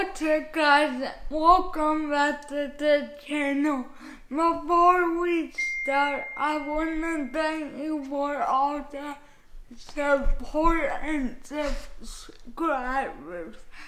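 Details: Man with cerebral palsy, which he attributes to being born not breathing, who says his speech is affected; dysarthria.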